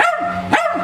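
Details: Two loud, sharp, full-voiced barks from a 16-year-old male Jack Russell, about 12 hours after dental scaling for rotten lower cheek teeth under anaesthesia; fully awake, active and back to normal.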